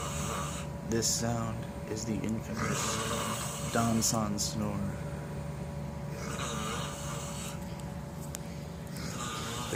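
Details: Loud, rough, fluttering snores recur every couple of seconds over steady room hum; heavy snoring.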